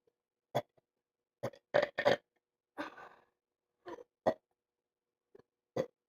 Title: He just wont stop burping its awsome